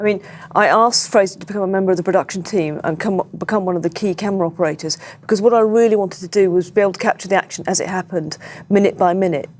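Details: Adult speaker; ordinary speech.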